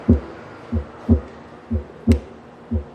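Simulator heart: regular paired lub-dub beats at about 60 a minute, two crisp sounds per cycle, no extra noise between them: normal heart sounds.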